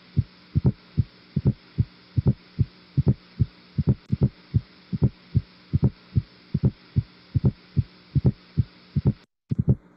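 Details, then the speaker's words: Fourth heart sound (atrial gallop) from atrial contraction against a stiff myocardium, as in ischemic heart disease or systemic hypertension, or physiological in older people: regular rhythm about 74/min, extra soft low sound just before S1, a "Tennessee" triple rhythm. "تمام ده الفورت هارت ساوند. تمام. فبيقولوا ان ده بيساوند زي بلبدب بلبدب، او بيقول برضو الامريكان يحبوا يقول لك ايه عامل زي تينسي تينسي تينسي تينسي تينسي تينسي تينسي."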